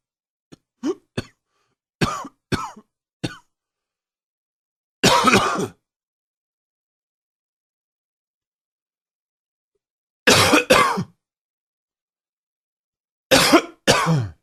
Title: Coughing 33